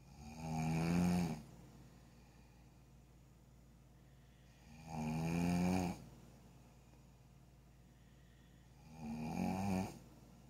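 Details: Person snoring: three low, vibrating snores on breaths in with quiet pauses between, about 14 breaths a minute; ordinary loud snoring.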